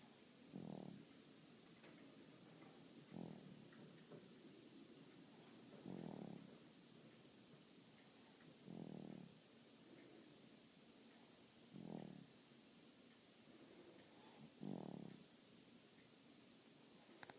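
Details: Snoring: six low, rough, rattling breath sounds at regular intervals, about 21 per minute, in a quiet room.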